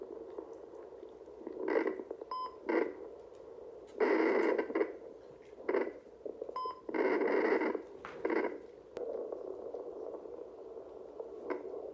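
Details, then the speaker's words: Static hiss and scraping bursts from a handheld home fetal Doppler at 10 weeks of pregnancy, possibly not on the right setting, with no steady rhythmic pulses; no fetal heartbeat found. "I know a lot of people get really super stressed out when they don't find a heartbeat right away or anything like that but it's still really early"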